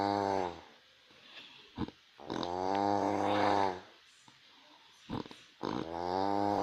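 Loud buzzing rattling snores, about three in the clip, separated by quiet pauses and brief snorts; heavy snoring.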